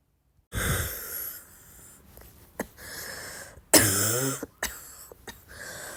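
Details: Persistent repeated coughing, self-described as the more one coughs the more one feels like coughing: several harsh coughs with rasping breaths between, one with a brief whistling tone.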